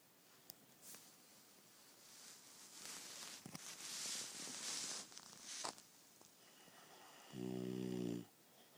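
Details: Honey Ham napping: a long hissing breath, then a low rumbling snore on the in-breath; snoring.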